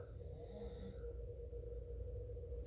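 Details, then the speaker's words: Chihuahua snoring in the room, described as snoring louder than a grandpa: low, continuous rumbling snore from a small dog, steady against quiet room noise; snoring. "you can hear snoring my Chihuahua's in here with me Sophie and if you're new here she snores louder than my grandpa used to"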